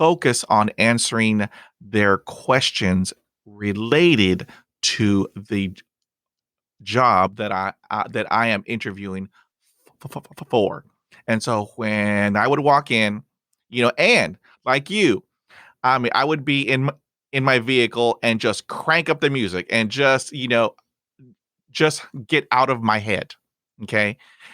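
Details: Adult who stutters, speaking English as a podcast host; stuttering.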